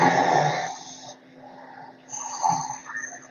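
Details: Child with epiglottitis: harsh, rasping breathing with mild stridor from upper airway narrowing.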